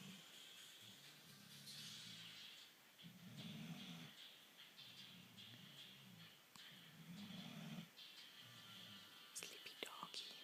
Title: Snoring Joey